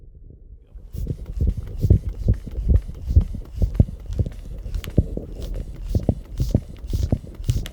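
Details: Repeated soft low thumps heard through a stethoscope under a deflating blood pressure cuff, close-up recording with synchronized stethoscope sounds: normal Korotkoff sounds during blood pressure measurement.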